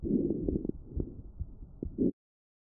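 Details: Lung auscultation with StethoMe electronic stethoscope, AI-classified: muffled breath noise with short, scattered popping clicks, fine crackles.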